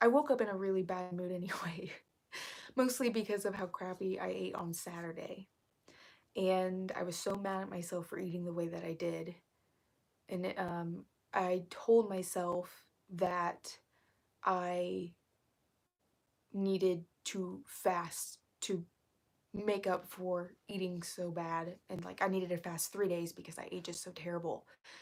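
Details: Vocal fry in an adult female, self-reported as currently really bad, which she attributes to speaking quietly so as not to disturb someone working in another room; vocal fry.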